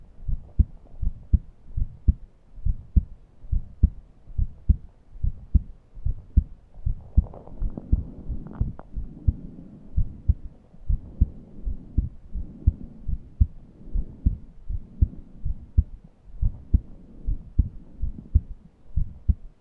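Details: Steady heartbeat near 75 a minute with faint low musical breath noise; the person was short of breath and could not breathe deeply. Wheezing with heart sounds.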